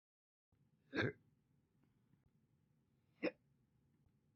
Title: All Slow Hiccups Part 1 (Updated)